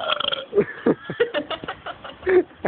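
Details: A playful burping contest between two people: a rapid string of short, guttural burps with rattling throat sounds, one after another.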